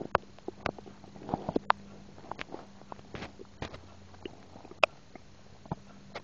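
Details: Stomach recorded while eating a burger and drinking soda, with swallowed air: scattered gurgles, clicks and brief squelches as soda and air move through the gut; bowel sounds (borborygmi).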